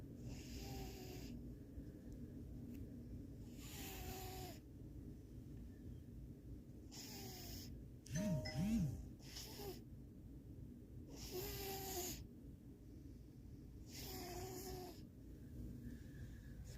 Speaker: I keep looking up like it's somebody in here snoring, and it's the cat.